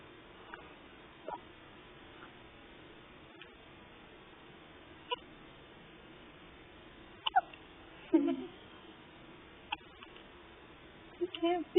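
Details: A newborn's first hiccups outside the womb: soft, sharp hiccups, about six in twelve seconds, over steady room noise.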